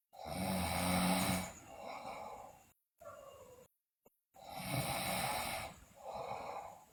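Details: Sleeping girl snoring loudly, with teeth grinding and sleep-talking noted; loud harsh snores on breathing in, each followed by a softer breath out, with short pauses between; heavy snoring.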